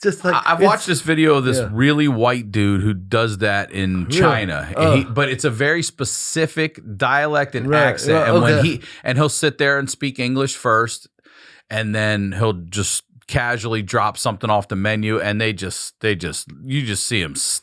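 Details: Adult man speaking conversationally; ordinary speech.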